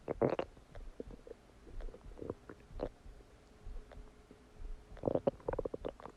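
Irregular gurgles, squeaks and bubbling pops in quick clusters with quieter stretches between; ordinary bowel sounds of digestion.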